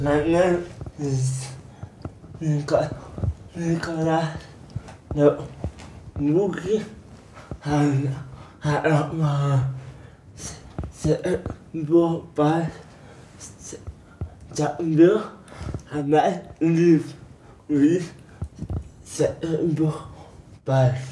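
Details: Young man with mild cerebral palsy attributed to prolonged labour over 20 hours (did not cry at birth), hands affected, schooled where he could learn speech; dysarthria (cerebral palsy).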